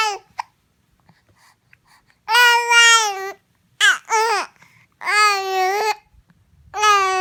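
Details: Upset baby with hiccups: loud, strained, drawn-out wails and fussy vocal bursts with short pauses between; an infant fussing cry.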